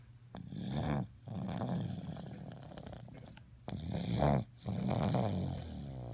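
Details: Sleeping dog snoring: low, rattling, rumbling snores in long breaths with short quiet gaps between them, typical of ordinary snoring.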